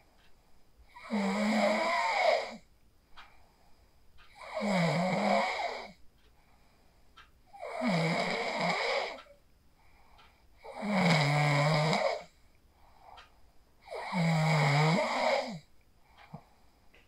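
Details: Phone recording of a sleeper after practicing the 4-7-8 breathing technique: five loud, rattling inspiratory snores about every three seconds with quiet exhalations between; regular snoring during sleep.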